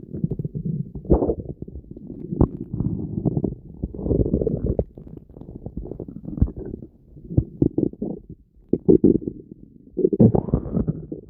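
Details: Violent stomach noises: continuous loud gurgling and rumbling with bubbly pops and squeaks, typical of active bowel sounds (borborygmi).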